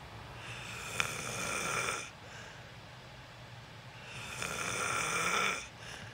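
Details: A person filmed sleeping for a sleep ASMR recording gives two long, harsh, raspy snoring breaths about four seconds apart; loud snoring during sleep.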